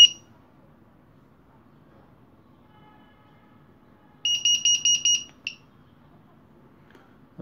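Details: Hospital syringe pump, alarm set: a burst of about six rapid high-pitched electronic beeps, then a single beep: syringe pump alarm sounding.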